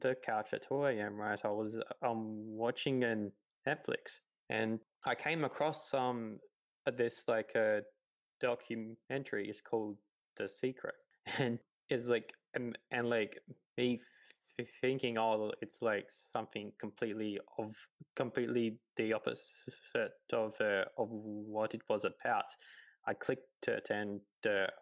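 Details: 28-year-old man who has stuttered his whole life, real speech; stuttering.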